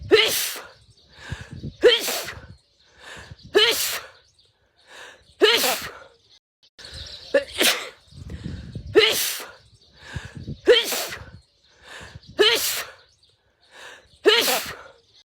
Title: Beautiful Indian woman sneezing tiktok edit loop for 1 ½. #sneezingfit #snot #edit #beautiful #achoo